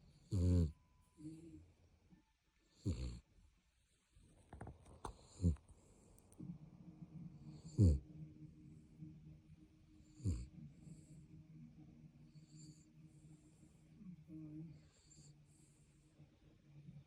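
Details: Sleeping chihuahua snoring: soft, low, buzzing snores with steady breaths, broken by a few brief thumps.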